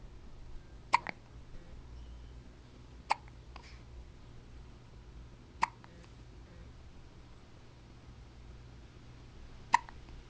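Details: Hiccups recorded June 29, 2009 on a Flip Video camcorder: four sharp, brief hiccups spaced a few seconds apart in a quiet room.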